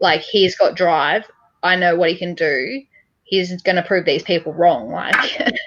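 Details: Adult woman speaking; typical speech.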